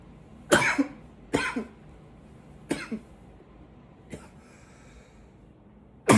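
Four forceful, harsh cough bursts over about six seconds, with low room noise; an intense cough.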